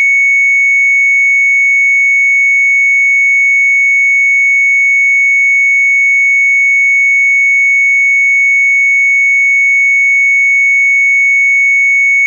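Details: Sound-effect library recording of an EKG heart monitor flatlining: a steady, unbroken high-pitched tone with no beeps, indicating asystole.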